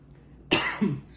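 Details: Two quick cough bursts, the second lower and throatier, in a quiet room, during chiropractic adjustment of a 16-year-old cat with back pain who could barely walk; cough.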